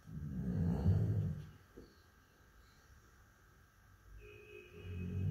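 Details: Labrador Retriever snoring while asleep: low rumbling snore on a breath, a quiet pause, then the next snore starting; soft-tissue snoring in a dog with a normal muzzle.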